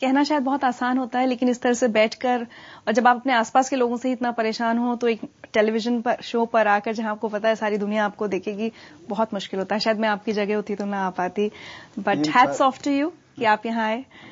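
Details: Adult female speaker; normal fluent speech.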